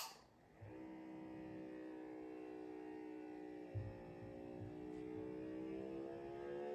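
Steady motor hum of an automatic blood pressure monitor pumping up its cuff, with the pitch slowly shifting as pressure builds.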